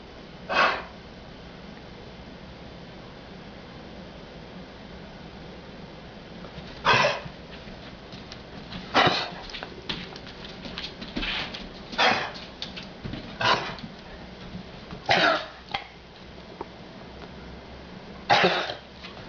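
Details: Dog with a persistent cough: short, harsh cough bursts, about seven across twenty seconds, with quiet room noise between. Finding: persistent cough.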